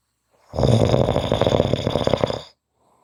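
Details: Snoring: one loud, rattling snore lasting about two seconds, with coarse fluttering vibration through the breath.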